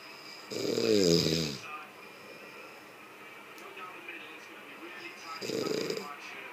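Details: Two loud rattling, buzzing snores from a sleeping person about five seconds apart, quiet between, with faint background noise; snoring during sleep.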